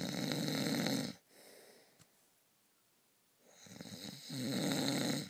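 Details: Heavy sleeper at night: loud, harsh, fluttering snores on the in-breath, separated by quiet pauses of about two seconds; snoring.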